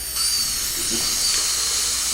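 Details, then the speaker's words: High-speed handpiece with the thinnest diamond point doing proximal reduction of a maxillary central incisor, moving back and forth from buccal until buccal and lingual connect, all-ceramic crown preparation in a student lab: steady high-pitched whine with hissing spray. "버칼 측에서부터 전진, 후퇴 해가면서 삭제를 해 나가서 버칼과 링갈 측이 완전히 감통이 될 때까지 가장 가늘한 다이아몬드 포인트를 이용을 해가지고 삭제를 합니다."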